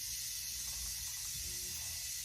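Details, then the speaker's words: Suction unit turned on before nasotracheal suctioning in a nursing skills-test recording, after hyperoxygenating the patient: steady airy hiss with a low hum underneath; suction machine running. "So this would be, we just make sure that this is like in a proper fitted, and then also just turning up the oxygen and turning on my suction,"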